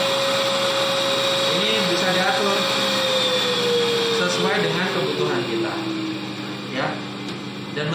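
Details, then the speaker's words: Homemade extraoral aerosol suction device for dental practice with a 600-watt motor and a speed regulator: steady whirring vacuum motor hum whose tone slowly drops as the speed is turned down. "tapi dari yang sudah saya coba mesin ini Sudah cukup sebenarnya mesin 600watt itu cukup mempunyai daya hisap yang cukup"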